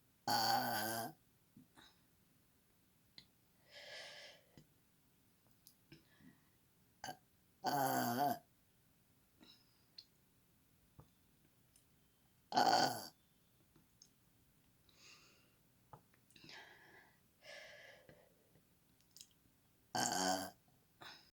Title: Girl burping on command